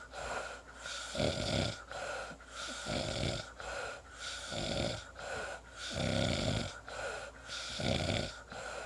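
Rough, rattling breaths recurring about every two seconds, with noisy in- and out-breaths; loud snoring.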